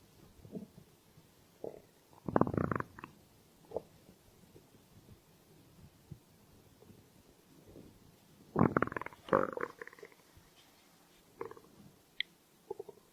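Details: Stomach growling (borborygmi): two long gurgling, rumbling runs with scattered small gurgles between them; harmless hunger-related gut sounds.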